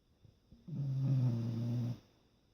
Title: Basset Hound snoring